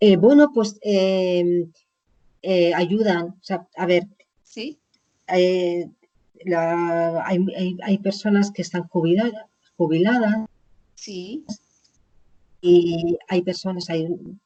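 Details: Woman with chronic aphasia after a stroke about 20 years ago; she reports now speaking more slowly and making more errors; aphasia.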